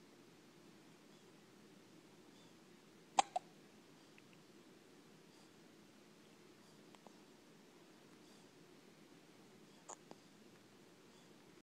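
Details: A few sharp, abrupt hiccup sounds, about three in twelve seconds, against quiet room noise; hiccups.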